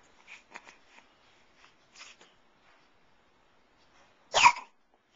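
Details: A 3.5-month-old baby's hiccups: several soft, abrupt catching sounds, then one louder, sharper hiccup-like burst.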